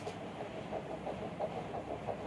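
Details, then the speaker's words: Normal fetal heartbeat on ultrasound at 9 weeks 3 days of pregnancy: rapid, regular whooshing pulses at about 175 beats a minute; the previous pregnancy had a problem. "শুনতে পাচ্ছেন? এটা বাচ্চার heartbeat."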